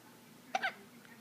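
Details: A single brief, sharp hiccup from a 5.5-week-old baby in a quiet room; infant hiccups.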